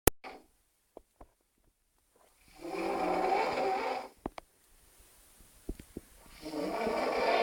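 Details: Adult man passed out drunk outside the toilet, snoring loudly enough to wake his housemates.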